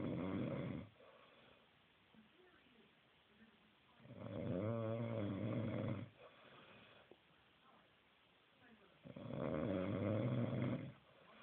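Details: Snoring by a man who claims he doesn't snore: loud, rumbling snores lasting about two seconds each, with quiet pauses of roughly three seconds between them, about 12 a minute.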